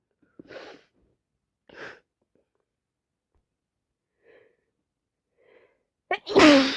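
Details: Several soft breathy catches and sniffs building to a loud sneeze burst at the end, from someone sniffing, blowing and sneezing all night who can't stop sneezing and expects a bed day tomorrow.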